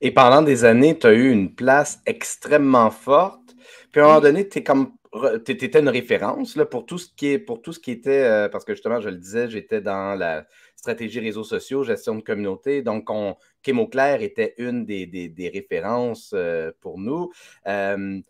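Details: Adult man speaking French; Typical speech.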